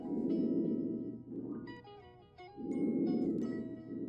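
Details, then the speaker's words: Normal breath sounds auscultated with a stethoscope over the upper and lower lobes of a simulated cardiac-arrest patient (vSim) in semi-Fowler's position: soft, even rushing breath sounds without wheeze, stridor or crackles. "So, we're listening for things like wheezing, strider, crackles. So, let's have a listen. That sounds normal to me."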